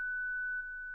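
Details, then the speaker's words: ZOLL Zenix hospital defibrillator/monitor in AED mode, daily 30-joule self-test: device charges, a steady, unbroken high-pitched tone sounds and the shock button lights; defibrillator charged tone. "Pour les appareils en mode DAE, sélectionnez la touche Autotest 30 joule. Vérifiez que Zinix se charge, qu'un son continue retenti et que le bouton choc s'allume."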